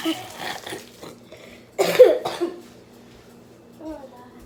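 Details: Person cooking with brief talk, then two sharp cough bursts close together, followed by quiet room noise and a faint voice; ordinary cough.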